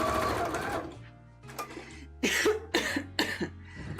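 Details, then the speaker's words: About three short, sharp coughs from an adult over a steady low machine hum and faint music, with an apology for needing a big cough. "God I need to have a really good cough I'm so sorry I'm going to have a big cough again"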